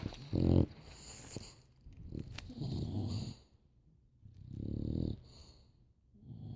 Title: Tandem snoring :)